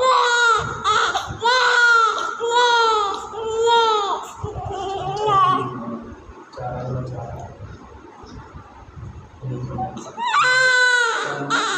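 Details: IVF-conceived newborn immediately after birth: loud, repeated wailing cries with short pauses for breath, then quieter fussing and a renewed cry; normal vigorous newborn cry.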